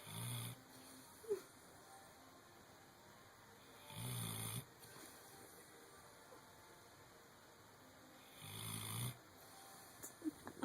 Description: Dozer snores like a man. -_-